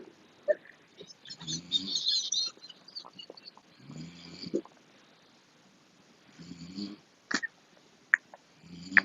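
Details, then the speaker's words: Adult male snoring while asleep: rough, rattling low snores in repeated bursts through sleep breathing, with stifled, wheezy laughter in the background. "was playing Cookie Run Kingdom and my dad's snoring is killing me."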